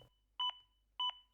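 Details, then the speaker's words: AED Plus defibrillator metronome beeps, evenly spaced at about 100 a minute, pacing chest compressions during CPR (5–6 cm depth) per training instructions. "after your first few compressions you will hear beat from the AED plus which are designed to guide you to the recommended rate of 100 compressions per minute"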